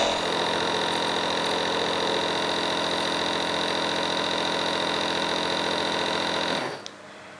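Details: Nebulizer compressor in a nursing procedure demonstration, run with medication added until mist flows from the mask: steady loud mechanical hum and buzz, then stopping as the machine is switched off once the mist runs out.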